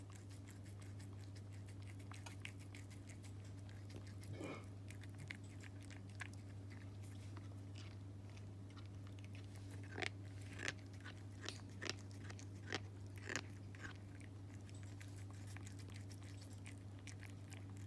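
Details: Cat with Horner syndrome grinding its teeth while eating, with sharp gritty clicks over a steady low room hum.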